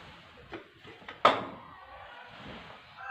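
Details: Voluntary cough in a simulated nursing exam demonstration of the effective cough technique: after coached deep breaths, a single forceful cough burst follows quiet breathing.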